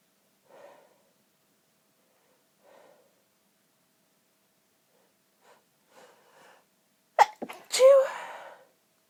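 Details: Stifled sneeze in a recording of stifles, half stifles and a failed stifle: soft catching breaths build, then a partly held-back sneeze followed by a fuller voiced sneeze that escapes.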